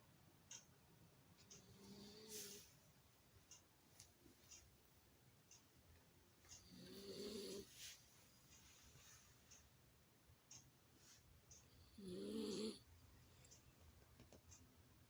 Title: sleeping & snoring